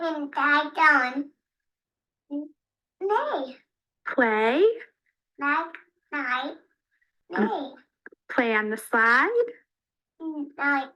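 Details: 3-year-9-month-old boy diagnosed with childhood apraxia of speech, speech sample recorded before consultation; childhood apraxia of speech.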